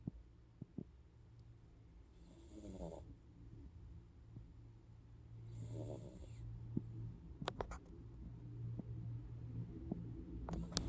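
Two soft, noisy breaths with a low rattle a few seconds apart over steady low room hum, with scattered clicks: quiet snoring.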